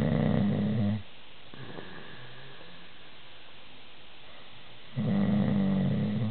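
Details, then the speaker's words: Adult man, a known loud snorer, asleep: loud, harsh rattling snores with quiet pauses of about four seconds between them; loud snoring. "Can I show you the video of your super loud snoring? I swear, I wonder what turns it off."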